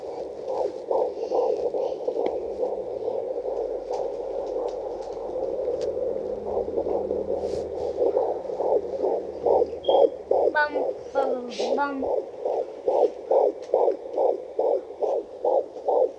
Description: using a fetal doppler to hear my son's heartbeat im 15 weeks pregnant with my 4th